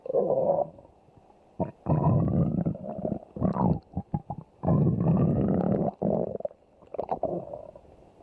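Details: Stomach growling (borborygmi): low rumbling and gurgling bursts with brief pops, irregular and varying in pitch.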